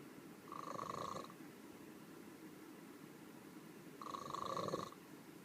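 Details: Two rough, fluttering breath noises a few seconds apart over steady background noise, consistent with snoring, recorded "in the burro".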